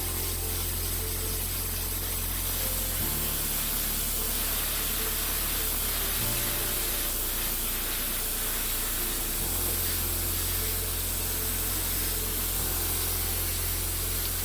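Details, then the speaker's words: Podiatry nail drill on a keen runner's toenail, which had come off and is now deviated and discoloured: a steady loud hissing whir with a shifting low hum as the damaged nail and nail bed are drilled and cleaned back. "And what I'm going to do now is just drill and clean everything back."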